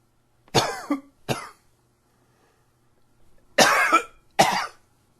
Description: Allergy tickles got me going. Please comment, share and subscribe